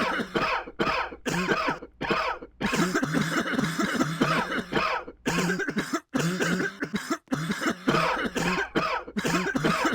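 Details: Cough.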